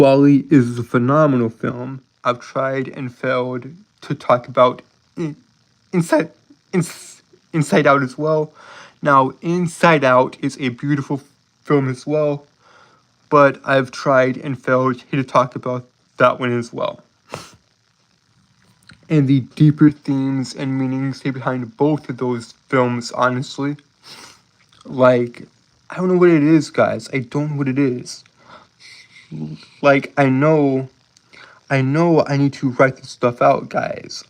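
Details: Self-reported speech impediment in a male streamer, with disfluency; finding: speech impediment with disfluency.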